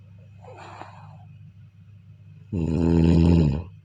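Soft breathy exhale followed by one loud, low, rattling inhaled snore; ordinary snoring.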